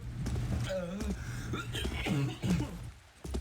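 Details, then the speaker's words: Adult man's coughing fit during a podcast, first likened to trying to start an old car: forceful harsh coughs with voiced catches between bursts, low room hum; afterwards he feels he popped an eye blood vessel. "Sounds like he's trying to start an old car. I don't know why. Now it sounds like he's coughing."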